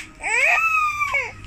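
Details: Baby boy crying at home with a single rising and falling wail; ordinary infant crying.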